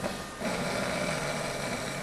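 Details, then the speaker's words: Sleeping person snoring from enlarged tonsils on the sides rather than the palate, an example of non-palatal snoring where palate-stiffening procedures may fail: tonsillar snoring. "good so those tissues on the sides are the tonsils this person's tonsils are coming in snoring isn't it fascinating how in this person's sleep I could just suggest snoring and they go right to it"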